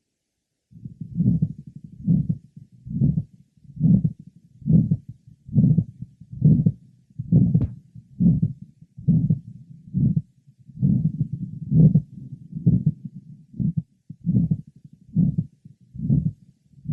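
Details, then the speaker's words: A 63-year-old man with severe aortic stenosis (systolic gradient over 100 mmHg at catheterisation) has a regular heartbeat near 68 a minute with a loud, harsh systolic murmur, well heard from the aortic area to the apex. "next a 63-year-old man with severe Advanced stenosis of the aoic valve a systolic gradient over 100 mm of mercury was present on cardiac catherization the aoic merma is well heard over the precordium from the aoic area to the Apex"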